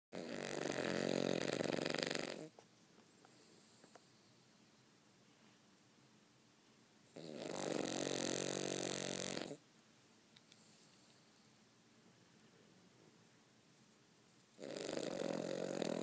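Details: Three loud, rough snores about seven seconds apart, roughly eight a minute, with quiet breathing between: ordinary snoring.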